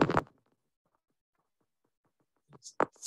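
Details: Needle EMG recording from a lecture showing end plate spikes, a normal finding.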